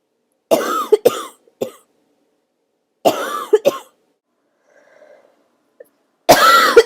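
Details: Barking cough during an illness, a throaty cough turning into barking for the first time; several harsh, hoarse coughs in bursts of two or three with a brassy barking edge, separated by silence.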